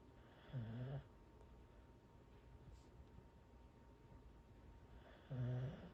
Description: Our Corgi is so cute when he falls asleep on my legs